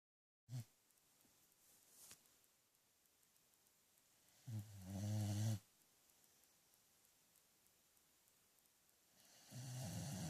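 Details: A sleeping dog snoring: two or three low rumbling snores separated by long quiet pauses; ordinary snoring.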